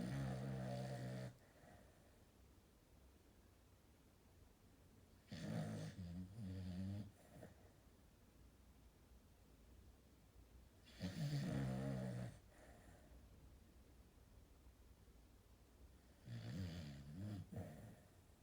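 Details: Low, rumbling snores about 11 times a minute with quiet room hiss between them; labelled sheep snoring.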